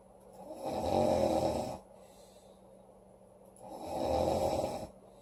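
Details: Sleeping young woman snoring: two loud, rough snores on the in-breath with a quiet pause between them, at a slow sleeping breath rate; heavy snoring.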